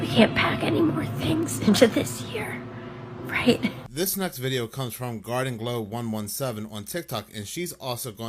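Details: Adult speaker; ordinary speech.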